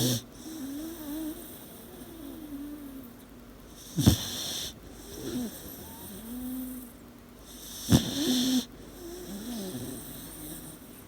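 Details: 18-week-old puppy snoring in sleep, as it does every night: soft, rattly snores with faint whimpering sounds between breaths, about 16 a minute.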